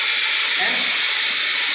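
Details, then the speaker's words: Air compressor switched on to supply air to a ventilator during a setup demonstration: steady loud hiss as the compressor starts up. "और air के लिए हमारा compressor से connect हुआ है compressor यहां से ऑन करेंगे"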